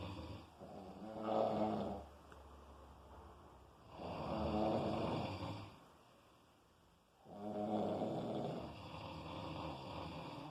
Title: Snoring sounds like i95...lol